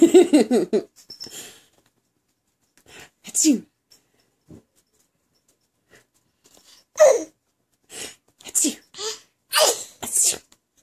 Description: Baby faking to sneeze when his mommy makes the sneezing sound